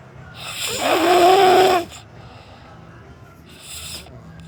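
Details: Snoring: one loud, rattling snore on the in-breath, followed by a quiet out-breath and a softer second snore.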